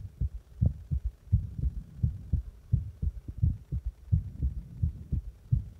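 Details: Own heartbeat recorded after pressing on the heart, a steady low thumping at roughly 86 beats per minute with clear two-part beats and a faint background hum.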